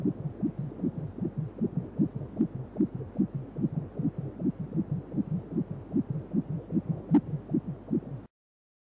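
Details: 3D/4D ultrasound baby scan: rapid, regular whooshing fetal heartbeat at about 150 a minute over a low hum.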